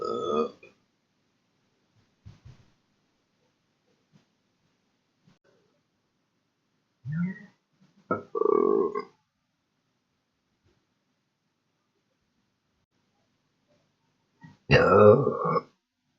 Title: Machine farts, burps, + gurgles.